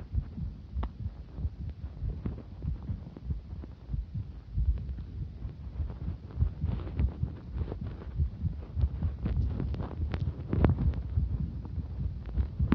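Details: Cycling heartbeat recorded during exercise: fast thumping heartbeat about 98 a minute under rustling movement noise; person reports feeling a number of skipped beats along the way.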